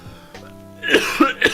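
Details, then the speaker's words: Adult streamer recovering from laryngitis after a cold, still unable to hold conversation without coughing: four quick, harsh coughs in rapid succession over soft background music, a brief coughing fit. "But I'm still having issues with holding conversation without coughing."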